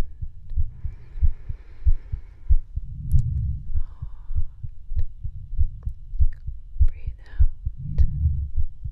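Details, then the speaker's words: Real heartbeat heard through a stethoscope during medical ASMR roleplay: steady beat near 95 a minute with soft breaths and light tapping noises; normal heartbeat. "We're going to do some stuff with the stethoscope. So, I'm going to listen to your heart."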